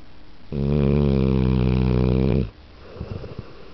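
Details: A single long, deep, rattling snore for about two seconds, then quieter breathing, from a comfortable sleeping pit bull while the TV is on; loud snoring.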